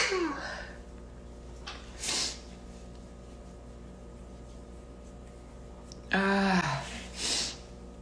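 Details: Two sneezes, each with a voiced in-breath and a sharp hissing burst, over steady room hum; a person sneezing.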